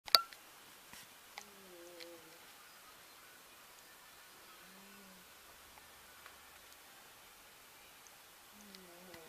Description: Old female black cat caught snoring.